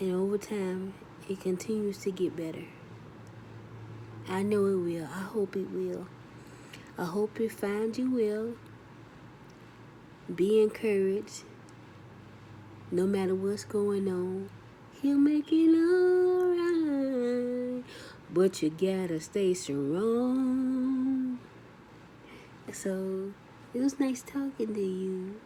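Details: Adult woman, survivor of two strokes, with left arm paralysis and post-stroke dysphasia that she says delays her speech through word-finding difficulty; she reports her speech is improving and that she yawns when trying to speak; post-stroke aphasia (dysphasia).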